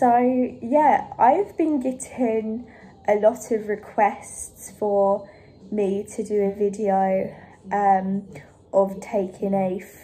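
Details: Adult woman who stammers, recently back in speech therapy and regaining some control, stammer worst on the phone; stuttering.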